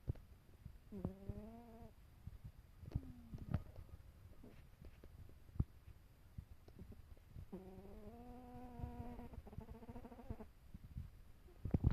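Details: A furry animal sleeping in a bed gives soft snoring breaths with a whistling, tonal edge over a low purring rumble, in a quiet room: snoring.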